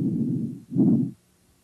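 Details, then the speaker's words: Patient during a head-to-toe respiratory assessment, heard from the lung apices to the bases and laterally: soft, low-pitched breath sounds, inspiration longer than expiration; normal vesicular breath sounds. "you should hear vascular sounds at the apices down to the bases and laterally these sounds are are low pitched and soft with a longer inspiratory than expiratory"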